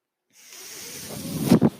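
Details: Mechanical ventilator sound from a podcaster's own ventilator, heard in the background while he speaks.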